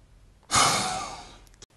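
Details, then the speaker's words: Spirometry demonstration: patient wearing nose clip blows into mouthpiece as hard and fast as possible; sudden forceful blast of breath tailing off over about a second; forced expiration for FEV1 and FVC measurement. "then blow out as hard and as fast as you can and keep going for as long as you can we need you to do that about three times is that all right"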